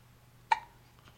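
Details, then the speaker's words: Infant during tummy time: a single sharp, clipped hiccup against a quiet room; ordinary, harmless infant hiccups, described as big hiccups. "oh man those are some big hiccups"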